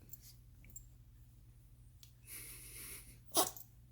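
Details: Sneezing: quiet room, then a soft hissing sneeze burst and a sharp, forceful sneeze near the end.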